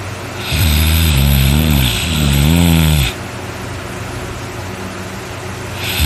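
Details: Person recording their own heavy snoring during sleep: a long, loud, deep rumbling snore on one breath, then a quiet pause as the next begins; very loud snoring.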